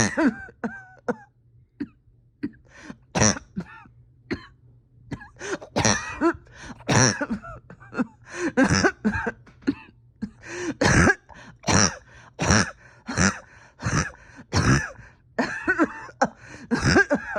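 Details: Painful, persistent coughing bout of about thirty harsh coughs over seventeen seconds, growing more forceful, in a patient with a tight chest, oxygen levels holding steady.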